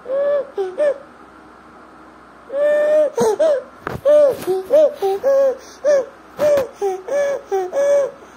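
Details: Inspiratory stridor in a 1-year-2-month-old boy with bilateral vocal cord paralysis: repeated high-pitched, musical crowing sounds with breathing from a narrowed upper airway.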